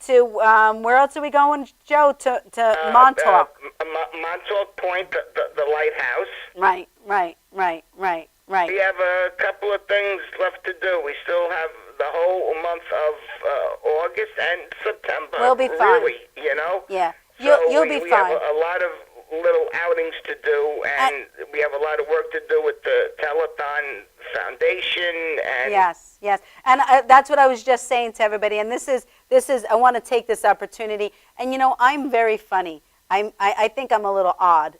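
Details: Adult man with stammering that developed after a severe concussion from a fall, a brain injury compounded with other injuries; he says it was much worse several days earlier and is improving. Finding: acquired (neurogenic) stuttering.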